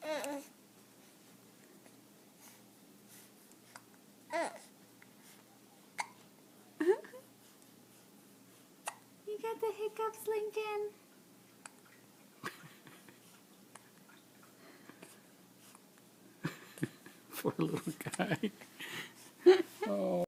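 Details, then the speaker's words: Infant boy with hiccups that shake his whole body: short, sharp, repeated hiccup sounds among soft babbling and fussing in a quiet room. "It shakes his whole body. It just pushes it right."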